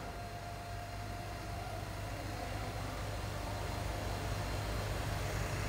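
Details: Lucass JASS S50 reclining electric wheelchair, backrest being raised/lowered by remote: steady low motor hum with a faint whine, running continuously.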